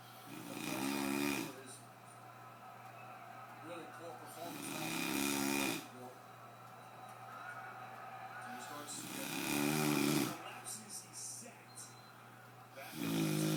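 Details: Loud, rumbling snores recur about every four seconds, roughly 14 a minute, with quieter breathing between them: ordinary snoring.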